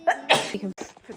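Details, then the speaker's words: Hay fever or horse hair allergy flaring after brushing a long-haired horse: a quick intake of breath, then a single forceful explosive sneeze with quieter breathy sounds, during repeated sneezing of three or four in a row. "Are you serious? Three in a row. Four. I've got hay fever. I cannot catch a break."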